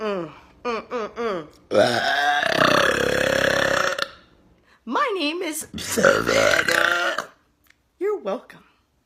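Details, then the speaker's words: Person producing loud burps without having drunk anything: several long, rumbling belches, some drawn out for seconds, between short voiced sounds. Repeated belching. "you have to excuse me I had something in my throat where are my manners I had like something in my throat"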